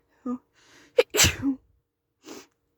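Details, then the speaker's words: Single ordinary sneeze recorded in a car by a person who feels sneezy: a quick in-breath, then one loud explosive sneeze with a short voiced trailing sound and a brief exhale. "I'm just feel really Sneezy right now oh God and I'm going to sneeze it's really"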